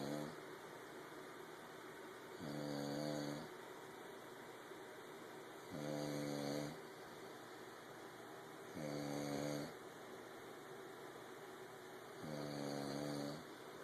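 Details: Snoring during sleep: four evenly spaced, buzzing snores, about 18 a minute, over a steady background hiss; regular snoring.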